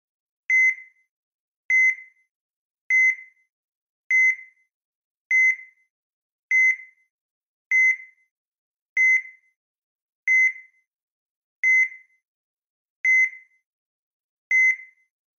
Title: EKG(Human Heart Beat Sound) - Sounds Effect ( Copyright free )